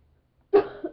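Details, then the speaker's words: Child doing a spice sneeze challenge gives one short, sharp cough after smelling ground black pepper, which also made her eyes water; the irritant triggered the cough. "Oh, moet ik van die zwarte peper hoesten ook. Oh, dat is het dus."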